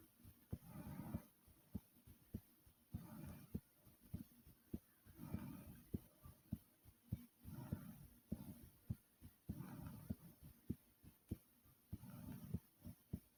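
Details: Loud, regular, sharp heart thumps at about 100 beats a minute, self-recorded, with rhythmic breathing noise over them; normal heartbeat.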